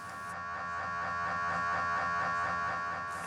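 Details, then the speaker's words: MRI-guided focused ultrasound treatment for right-hand tremor, making a lesion in the left thalamus: a steady, loud buzzing whir with rhythmic pulsing as the energy is delivered. "that sound is the energy being delivered as we speak. The screen line shows that we are delivering all the energy that we want to deliver at the moment."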